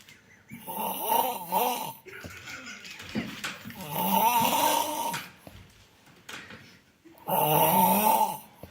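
Heavy, rasping snores with each inhalation, roughly twenty a minute, loud and rough in tone: ordinary snoring in sleep.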